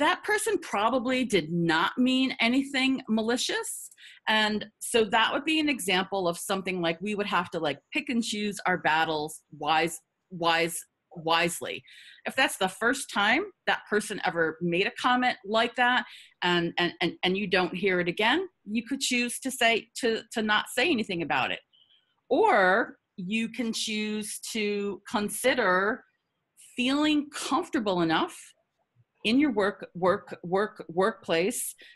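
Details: Adult woman who stutters, with repetitions audible in her spontaneous speech; stuttering.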